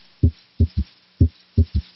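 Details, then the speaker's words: Heart auscultation with the stethoscope bell, patient turned to the left side: slow regular low-pitched heart sounds at about 60/min with an audible third heart sound (S3) that fades under firm bell pressure and returns with light pressure. "Now, notice how the third heart sound disappears when the bell is placed more firmly on the chest wall. Listen again with light pressure, with firm pressure,"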